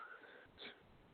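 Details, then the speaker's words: Adult podcast host, hoarse after a sudden coughing fit before the show, gives a brief, harsh, noisy throat clear with a faint whistly breath just before it; throat clearing. "excuse me while i clear my throat had a little bit of a coughing fit just out of nowhere before the show so if i sound a little hoarse i do apologize"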